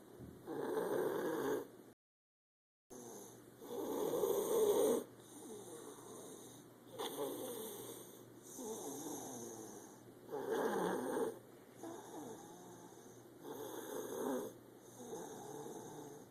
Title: Little snoring machine